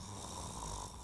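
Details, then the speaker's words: Loud snoring, given as an example of a common sign of obstructive sleep apnea, which may come with choking or gasping sounds. "commonly people with obstructive sleep apnea snore loudly on most nights this snoring can be so loud that it disturbs your bed partner or others who live in the home"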